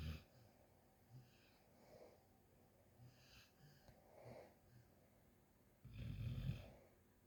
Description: A Snoring Shadow Snoozes. My dog snoring it up! 🐾💤